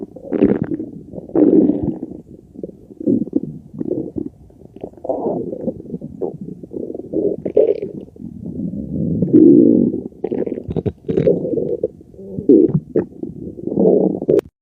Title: very loud digesting noises